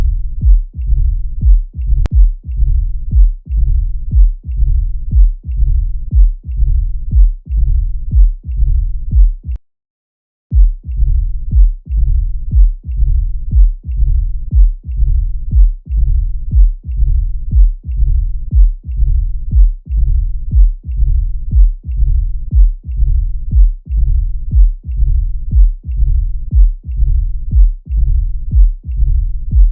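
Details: Mitral stenosis heart sounds: a regular heartbeat near 60 a minute with an opening snap and a low mid-diastolic rumbling murmur between beats.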